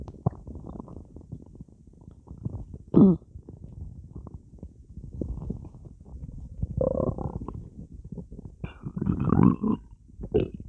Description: i flooded my stomach with soda and laid down in bed, I didn't expect it to cause so many sounds... isn't that so cool.